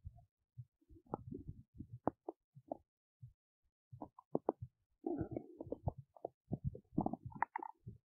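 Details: Soft gurgles, pops and rumbles irregularly from an adult woman's belly while digesting oats; ordinary active bowel sounds.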